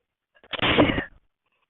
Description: Sneezing just for you .